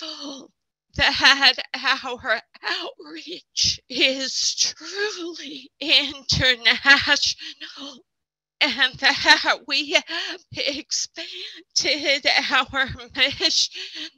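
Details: Spasmodic dysphonia in an adult man who counts himself among people with SD.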